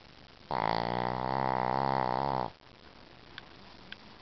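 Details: Snoring in a Shih Tzu: one loud, buzzing, tonal breath lasting about two seconds, then quiet room noise.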